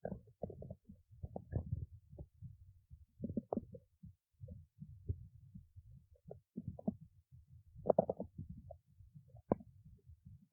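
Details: Stomach growling: low, irregular gurgles and rumbles with a few louder squeaks as gas and fluid move through the gut; borborygmi.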